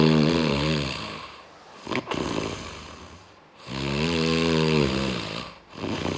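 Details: Snoring, in the context of sleep apnea, a disorder with repeated breathing pauses during sleep.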